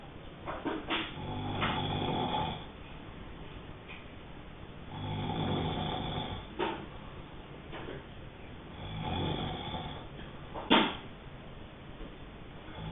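Rough, rattling snores on each breath in, about 15 breaths a minute, with quiet breathing out between them in a small room.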